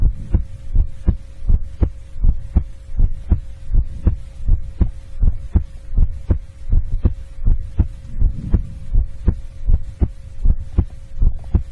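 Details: ASMR heartbeat recording: steady, regular low double thumps at about 80 beats a minute, with a faint steady hum behind; normal heartbeat.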